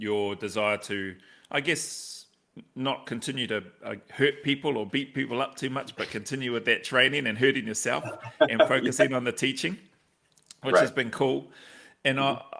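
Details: Adult male speaker; no speech disorder.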